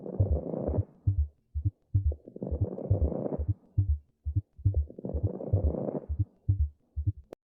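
Regular low heart thumps at about 69 a minute, repeatedly overlaid by loud rough whooshing noise: an abnormal heartbeat.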